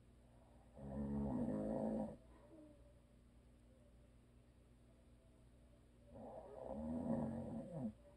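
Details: Two long, rumbling snores with a quiet pause between them, over faint room hum, from a husband who habitually snores; audio only.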